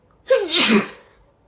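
A single sharp, explosive sneeze with a wet, hissing release. An ordinary sneeze.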